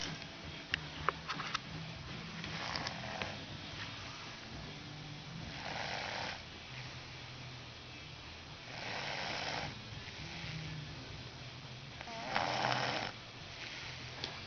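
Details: Soft, noisy rasping breaths recurring every few seconds over a low room hum; snoring.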